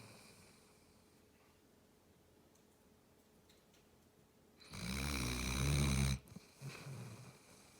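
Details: Quiet breathing, then one loud, deep rumbling snore followed by a softer snort; snoring.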